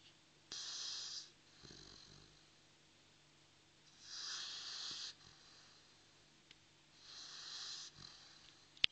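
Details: Sleeping Dogue de Bordeaux dog snoring: regular hissing, whistling snores, three over about nine seconds, breath noise through a narrowed airway.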